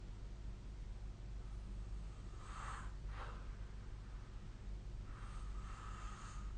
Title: 🐽 本日のイビキ / Snoring Sleep Sound